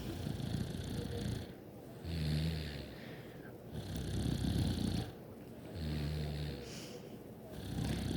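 Loud, low, rattling snores with each breath in, alternating with noisy breaths out, about 8 breaths a minute; snoring during sleep.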